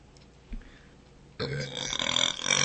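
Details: A woman gives one loud, drawn-out burp with a rough, gurgling quality after a brief quiet stretch; a sample clip of deliberate burping.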